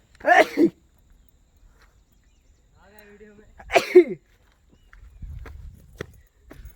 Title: Sneezing at Sondai, Karjat, Maharashtra, India, Earth.